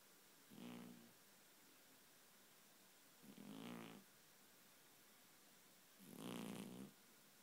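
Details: Sleeping cat, dreaming and twitching, with three soft, rattling snores at regular intervals, about 22 a minute; the owner says the cat usually snores really loudly; snoring.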